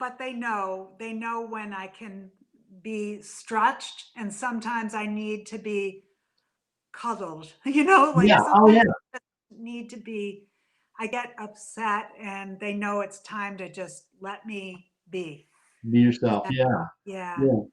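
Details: Adult woman with aphasia after a stroke from a brain AVM about three to four years earlier, still in speech therapy: aphasia.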